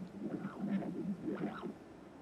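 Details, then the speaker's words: Pulsed-wave Doppler in apical five-chamber transthoracic view, sample volume just below aortic cusps after colour check excluding aortic regurgitation, for cardiac output: rhythmic whooshing flow signal, about two pulses in two seconds; normal left ventricular outflow tract flow. "now i will start the pulse stopper in order to assess the left ventricular outflow"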